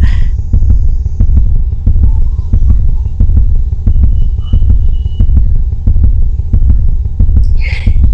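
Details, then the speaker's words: Fetal heartbeat during pregnancy: steady, rapid whooshing thumps, faster than an adult's heartbeat, with faint background sounds. "You must have observed that the heartbeat is quite faster compared to us because fetus is in growing condition and that requires lot of amount of energy"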